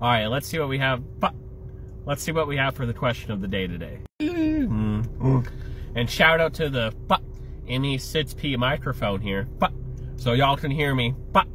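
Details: Vocal tics in an adult male with Tourette syndrome, with verbal and motor tics beginning around age seven, diagnosed by a neurologist at about age eight.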